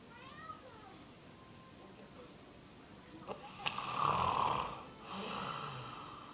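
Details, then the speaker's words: Sleeping man snoring very loudly, likened to a bear: a harsh rattling inhaled snore after a quiet stretch, with faint television sound in the room. "Once again, this nigga is asleep, snoring at the top of his lungs, yo. Nigga sound like a straight bear."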